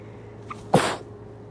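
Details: Tired person's deliberately induced wet sneeze: short in-breath then one sharp, wet, hissing sneeze over low room hum; sneeze.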